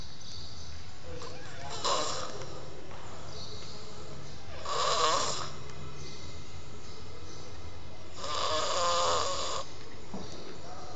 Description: This kid ain't big but sounds like a pig